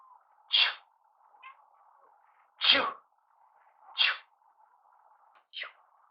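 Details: Cat sneezing: four short, sharp sneezes over about six seconds, with a faint steady hum in the background.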